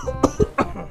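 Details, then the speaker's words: Three short, sharp acted coughs from an adult man in under a second, in a comedy skit where his wife offers cough medicine; cough. "अरे आपको कितनी खांसी हो रही है ये लो खांसी की दवाई"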